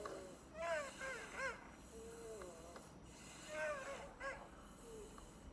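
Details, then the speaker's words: 7-year-old boy with obstructive sleep apnea and underdeveloped jaws, sleeping with mouth open and visible effort to breathe; teeth grinding during sleep with noisy breathing; sleep bruxism with noisy sleep breathing. "Junto com isso, né, ele dormia com a boca aberta, claro, né? Olha aí, tá? E olha o bruxismo que ele tinha."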